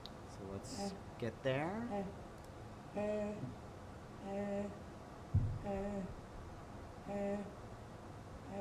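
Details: Sustained phonation by a person with bilateral vocal fold nodules; incomplete vocal fold closure lets air leak on either side, giving a breathy voice that becomes breathier and hoarse with effort.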